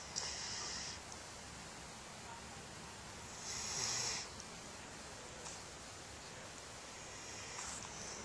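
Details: Dog sleeping at 3 a.m., making soft, airy snoring breaths every few seconds over steady room hiss; ordinary snoring.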